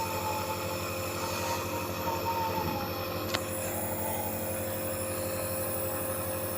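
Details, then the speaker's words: Steady mechanical motor hum with a constant whine from a nebulizer compressor running during a mist treatment for a coughing child. "keluar asapnya dari hidungnya nanti malam biar gak batuk lagi Dek"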